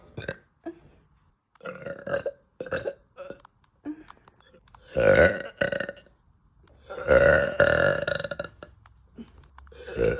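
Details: Woman burping loudly after eating: a series of loud, drawn-out voiced belches, several in a row with pauses between; repeated belching.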